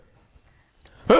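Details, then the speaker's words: Adult imitating a barking cough: a single harsh, barking cough burst after a brief quiet pause. "so that's you see The Barking nature of the cuff and that you have in he / and some Lucas"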